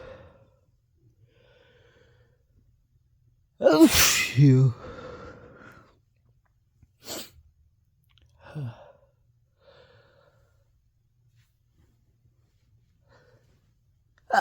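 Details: Allergic hay fever sneeze recorded very close to the mic, early in the season: sharp inhaled lead-in, one forceful sneeze, then softer breaths and sniffs.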